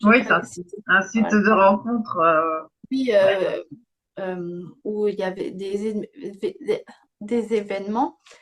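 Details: Young woman, speaking French, with aphasia after a stroke at age 22 that affected her speech and grammar, years later; aphasia after stroke.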